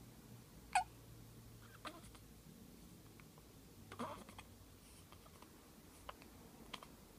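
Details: Hiccups in a 3-week-old infant: several brief, soft, sharp catches at irregular intervals in a quiet room.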